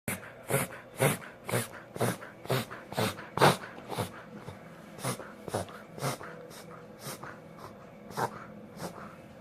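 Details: Goldie, a dog, makes rapid, repeated snorting inhalations, about two per second, during a reverse sneezing episode.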